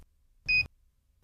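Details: Philips HeartStart OnSite AED maintenance chirp: a single short, high electronic chirp in quiet, signalling the defibrillator needs attention, such as after a failed self-test or low battery.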